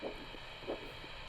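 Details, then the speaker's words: Two rhythmic whooshing pulses over a steady hiss from a handheld Doppler probe with ultrasound gel on the dorsum of the foot, a normal dorsalis pedis arterial signal, during an ankle-brachial index (ABI) demonstration. "And something that I like to do when I'm looking for this artery is to kind of go from medial to lateral or lateral to medial trying to catch that dorsal pedus artery as it runs uh vertically along the dorsome of the foot."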